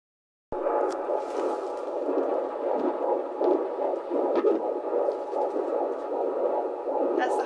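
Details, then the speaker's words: Fetal heartbeat on Doppler at 14 weeks of pregnancy during a prenatal appointment: fast, regular whooshing pulses at 150s to 160s per minute, with the slower maternal heartbeat audible in the background. "it's like the babies is in the 150s to 160s you kind of hear yours in the background which is slower how do i know which one's mine yours is lower and there's this weird thing babies is faster"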